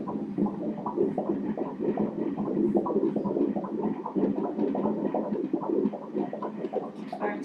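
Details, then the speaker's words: Fetal heartbeat on ultrasound Doppler at 15 weeks 2 days of pregnancy: rapid, regular whooshing beats, 152 beats per minute, a normal rate. "Look at the heart, how beautiful! 152 beats per minute"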